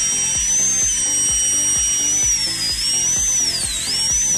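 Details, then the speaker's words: Dental drill with a number 4 round bur during endodontic access cavity preparation on a mandibular molar: steady high-pitched whine, wavering slightly in pitch as it cuts, over soft music. "i'm now ready to drill i'm using a round bur number four rounder and start drilling at the"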